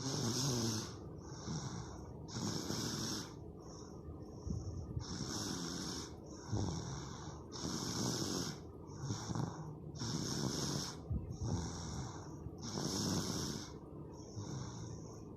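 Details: A baby snoring loudly during her siesta: rhythmic snoring with a snorting quality, about 24 breaths a minute, steady throughout.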